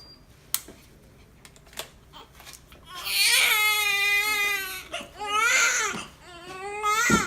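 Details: Newborn girl's cry, born to an 18-year-old mother: a few soft sounds, then strong, high-pitched crying in bursts; a normal vigorous newborn cry.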